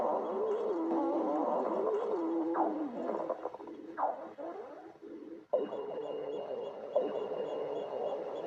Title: Top GF stomach growling